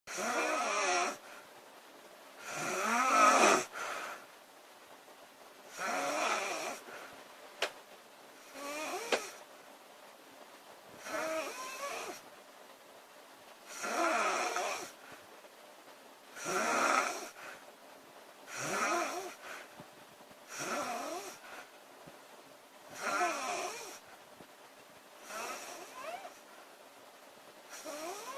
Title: Loud girl snoring August 6 2017